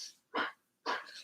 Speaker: My dog has kennel cough. Got it from a neighbor's dog. And, oh, it sounds so gross.